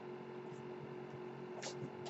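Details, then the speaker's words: The speaker's own home ventilator, audible as he opens his podcast: a steady mechanical hum with a faint constant tone; mechanical ventilator noise. "That noise you're hearing is my ventilator."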